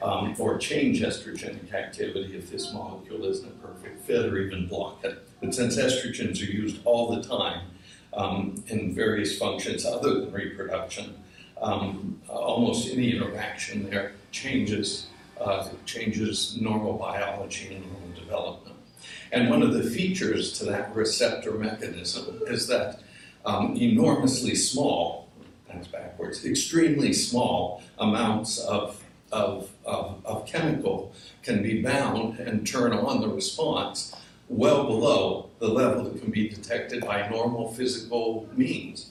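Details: Adult man with essential tremor that also affects his hands and ended his surgical work; voice wavers; voice tremor (essential tremor).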